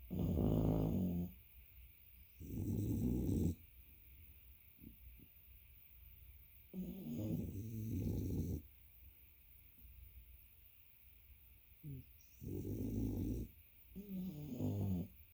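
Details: Loud, low, rattling snores from a sleeping dog, with quiet pauses between the breaths.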